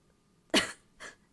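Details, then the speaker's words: Adult woman streamer, sick after a convention, coughing: one strong harsh burst then a weaker cough. "hold on oh the coughing is crazy today anyway"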